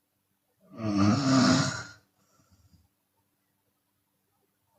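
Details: One loud, rough open-mouth snore lasting about a second, then a faint breathy exhale, from a Chinese woman. Snoring.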